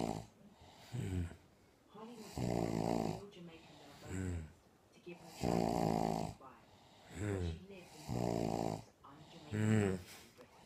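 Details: A woman who says she does not snore, recorded snoring: loud, rough snores on each in-breath with quieter out-breaths, about 12 breaths a minute.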